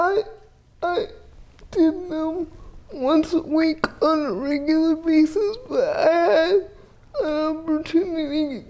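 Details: Dysarthria in a 30-year-old woman with GMFCS Level 4 cerebral palsy, quadriplegia with an athetoid component, uses a power wheelchair; speech may be hard to understand.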